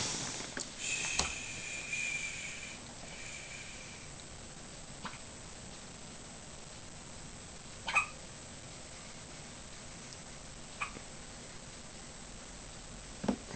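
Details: Newborn baby girl's hiccups in hospital: soft, brief, sharp hiccup sounds several seconds apart over quiet room noise.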